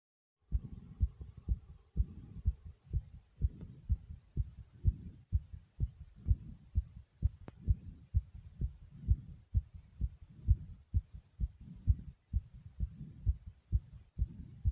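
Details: Rapid, strong, regular, thumping adult heartbeat at about 128 beats a minute, after doing 35 jumping jacks.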